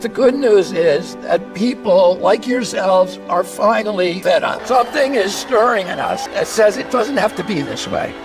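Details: Spasmodic dysphonia in a 70-year-old man, a neurological voice disorder that began at age 42; the voice trembles and sounds raspy and croaking, where before age 46 he had a very strong voice.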